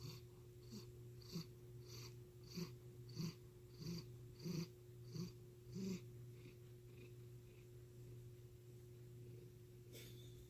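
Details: Cat that never had a normal purr: rhythmic rasping, snore-like breaths at about 90 a minute over a steady room hum; owner asks whether it is purring or heavy breathing, a noisy, abnormal purr.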